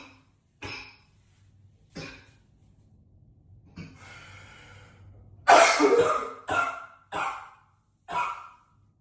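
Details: About seven harsh coughs, including a forceful burst and a rattly stretch, in an echoey bathroom; heavy repeated coughing.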